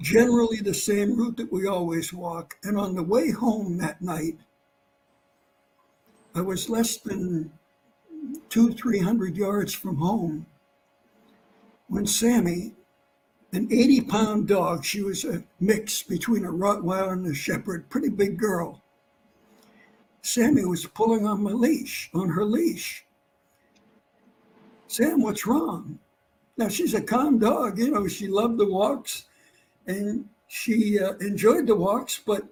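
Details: Adult man who had vocal cord cancer and operations; his voice was lost, then partly returned, and it does not carry far. Dysphonia after vocal cord cancer surgery.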